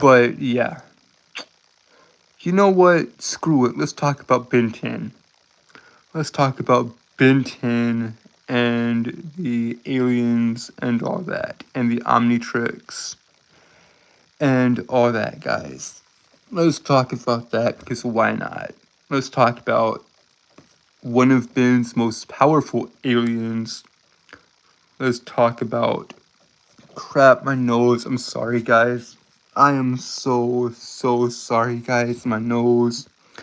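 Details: Adult male streamer with a self-described speech impediment causing stuttering, word and phrase repetitions; stuttering.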